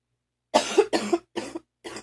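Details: Four morning coughs in close succession, rough and low-pitched with a loose, gurgling quality, with near-choking; a productive, wet, phlegmy cough.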